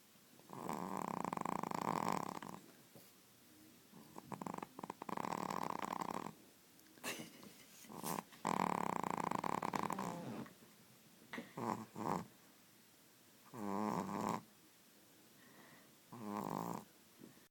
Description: Lucy, snoring away, at 16 weeks old.